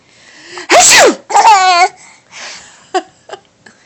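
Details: A father's loud, deliberate sneeze with a sharp intake and explosive release, followed by his baby daughter's laughter and small hiccup sounds; she got hiccups from laughing at the sneezes.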